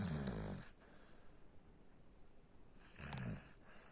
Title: Labrador sleeping and snoring ( 4.5 months old )